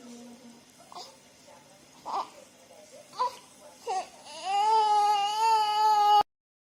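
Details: Newborn girl only a few hours old: several soft whimpers building into a sustained clear high-pitched cry, with yawning; a normal newborn cry.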